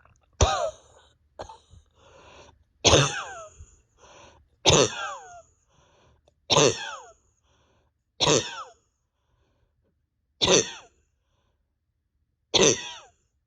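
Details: Adult coughing with pain deep in the chest and stomach after more than 32 hours without sleep, with an unresponsive bronchodilator and exhaustion: eight harsh, forceful coughs at irregular intervals, several with a whooping, rising catch.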